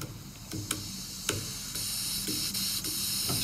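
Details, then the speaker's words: Demonstration of an oxygen-driven hand-held nebulizer being assembled and run, not on a patient: steady hiss with occasional clicks as oxygen passes through the liquid and turns it into an inhalable aerosol mist. "we can see that now is causing the aerosols so the oxygen goes through the liquid it makes it into this mist that now they're able to breathe in"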